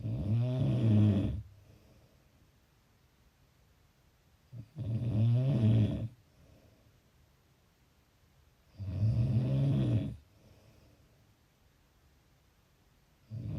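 Loud, low rattling snores on each breath in, about 14 a minute, with quiet breathing out between them.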